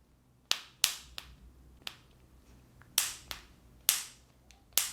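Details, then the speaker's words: Several sharp, dry clicks and pops imitated on a spine model to demonstrate a chiropractic spinal adjustment; joint cavitation from a pressure release at a spinal joint. "not behaving this model but you can hear that little popping cracking sound so it's just a pressure change and a release of pressure"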